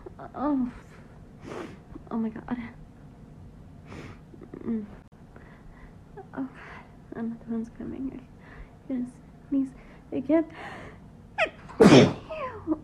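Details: Woman trying to keep her sneezes quiet before sleep, nose tickling: breathy gasps and whispered exclamations build to a loud, sharp sneeze near the end; sneeze.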